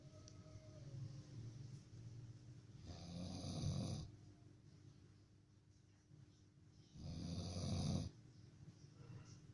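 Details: Strange snoring: two loud, rough snoring breaths about four seconds apart, with a whistling, squeaky edge on each inhalation; quiet room noise between.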